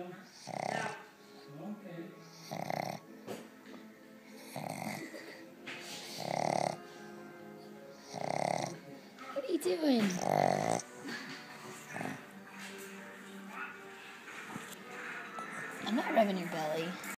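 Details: Female animal snoring very loudly while asleep: rhythmic nasal snorting snores about every two seconds, with music in the background.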